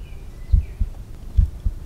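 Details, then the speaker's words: Stethoscope at the tricuspid area, fifth intercostal space, during an undergraduate cardiovascular examination demonstration with breath held: two beats of paired low lub-dub heart sounds. "now i'd like to listen for the track of speed buff which located at the feet intercostal space"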